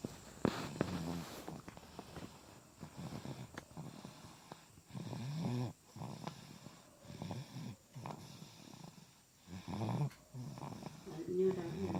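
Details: Sleeping baby with soft, irregular rattling snores on each breath and some snorting, light room noise; infant snoring.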